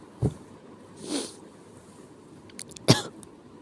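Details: Two short, explosive cough bursts with a breathy inhale between them and faint clicks in a quiet room; an unpleasant-sounding sick cough.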